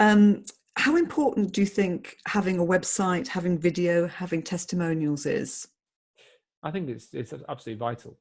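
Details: Adult speaker; typical speech.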